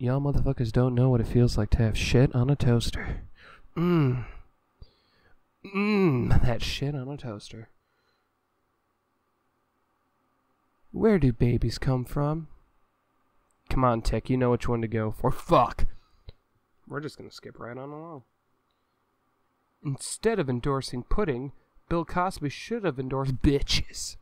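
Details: Adult male with Tourette syndrome (tics include head jerking, a little sound, repeated swear words) blurting repeated expletives while reading a card: Tourette syndrome vocal tics (coprolalia).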